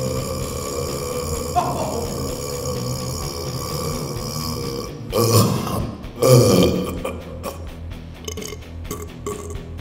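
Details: Two loud, deep, drawn-out belches over background music at a burping championship; deliberate burping.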